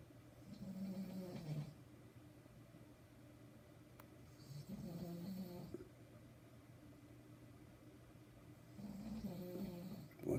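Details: Nighttime snoring: slow, rumbling, buzzing snores about every 4 seconds, three in all, with quiet room noise between them; ordinary snoring.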